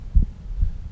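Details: Normal first and second heart sounds recorded by stethoscope and played through a speaker: two dull, low heart thumps over a faint hum.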